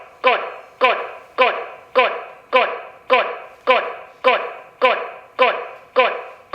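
A short spoken prompt repeats steadily about 105 times a minute on an AED simulator, pacing chest compressions during CPR.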